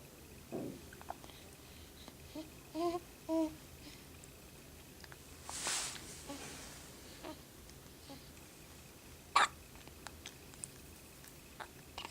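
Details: An infant got hiccups right after finishing a full bottle: soft, short, voiced catches in the breath, a few scattered over twelve seconds in a quiet room with faint background noise.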